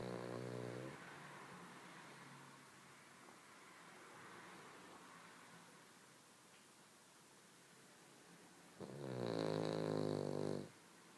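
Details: Small sleeping dog snoring loudly: two loud, rattling snore breaths separated by quieter breathing.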